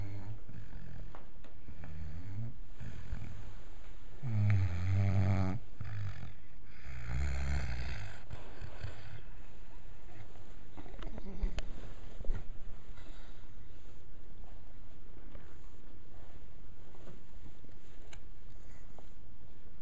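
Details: Five-month-old wire-haired vizsla puppy asleep, snoring loudly enough to keep the household awake: low, rumbling snores, with two main snoring breaths over a quiet room background; snoring.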